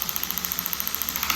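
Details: Storz radial shockwave (EPAT) device with small spine actor applicator at 45 degrees, about 2.2 bar and 14 Hz, demonstrated on a forearm for cervical spine fascia release; rapid even clicking pulses; device firing.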